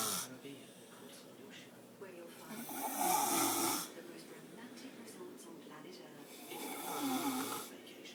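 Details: Adult man (fiancé) snoring: two loud, rough snoring breaths over a noisy room background, about 16 a minute. Snoring.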